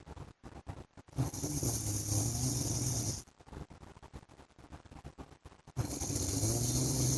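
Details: Two long, rough, rattling breaths in with quieter breathing between them from a husband asleep; snoring.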